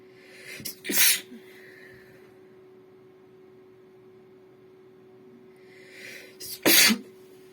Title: Sneezing napkins again (F)